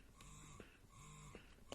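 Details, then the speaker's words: Willow Go wearable breast pump running in stimulation mode, stepping up through its six stimulation levels and getting stronger: rhythmic motor hum cycles, each ending in a soft puff as suction releases. "five six and you can hear the difference so it definitely um gets stronger as you go"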